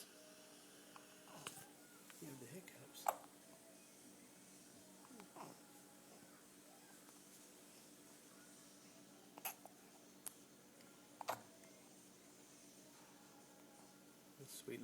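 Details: Baby boy thought to have hiccups: a few soft, sudden catching sounds spaced seconds apart in a quiet room; hiccups.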